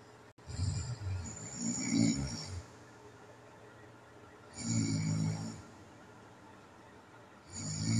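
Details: Snoring in a person who attributes it to sleep apnea, recorded one night in January: rough, low snoring on the in-breaths with quiet gaps between, about 15 breaths a minute; snoring linked to sleep apnea.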